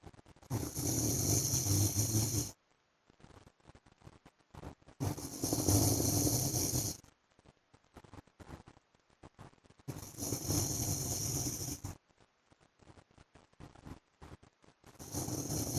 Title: PART 1 FOR SLEEPING WITH MY HUSBAND'S SNORING SOUND